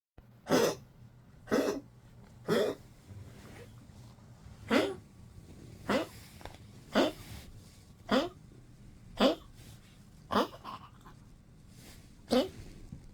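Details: Fifteen-year-old Poodle, weak, sleeping a lot and eating little in 12°C cold weather, gives repeated short, soft coughs or huffs, about eleven over thirteen seconds, fairly evenly spaced; dog cough.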